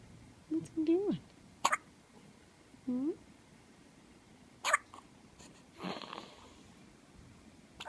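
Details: Two sharp hiccups from a 2-hour-old newborn baby among soft whimpers and coos; hiccups.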